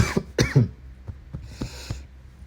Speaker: Excuse me. Wow. Recovering from my a chest cough, as you can clearly hear, man.